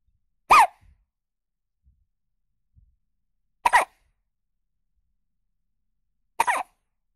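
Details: Newborn baby with hiccups: three short, sharp hiccup sounds a few seconds apart in a quiet room.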